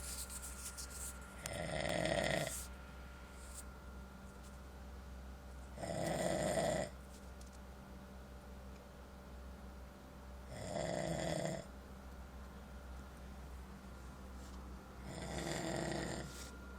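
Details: Four rough, rattling inspiratory snores about every 4–5 seconds, roughly 13 breaths a minute, over a steady low hum, from a sleeping person; ordinary snoring.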